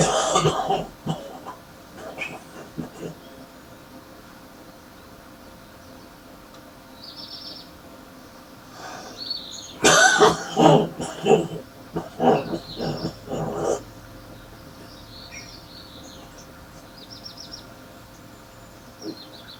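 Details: A man gives a heavy morning smoker's cough: deep and rattly, with harsh throat clearing and spitting, followed by a cluster of heavy coughs.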